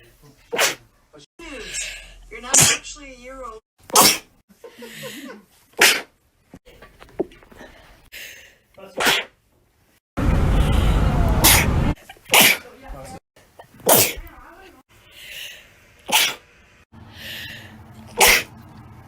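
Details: Sneeze compilation, June 2019 to April 2020: about ten separate sharp sneezes, with "bless you" and murmured words between them.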